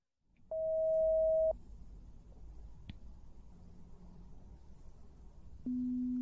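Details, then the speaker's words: Steady pure tones of about one second at different pitches, in both ears or individually through headphones, in a simulated ASMR hearing test for relaxation, quiet room; pure-tone hearing test beeps. "I want you to tell me when you hear it in both ears more individually and when you hear it individually I want you to tell me which ear you hear it"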